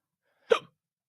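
A single short, abrupt hiccup: a sudden voiced catch of breath lasting a fraction of a second.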